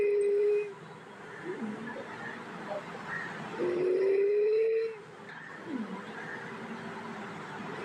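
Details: Inspiratory stridor (bilateral vocal cord palsy).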